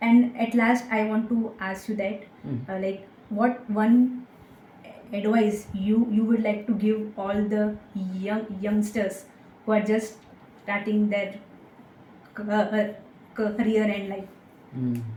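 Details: Young woman with stuttering (stammering) that began in third or fourth standard and worsened with age, treated with speech therapy, breathing techniques and a stammering self-help group; her stammering is now much reduced.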